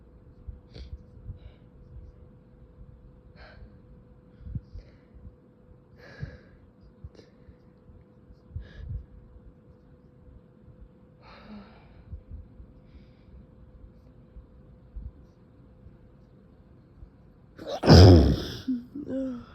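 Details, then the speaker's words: Intense, painful sneezing that is held back: quiet breathing and small catches in the breath, then one abrupt, partly stifled sneeze near the end. "I keep I keep having these really intense sneezes that hurt."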